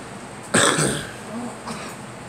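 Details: A girl smoking and coughing: one harsh cough burst with a short throaty follow-through, then a faint second exhalation, over low room noise.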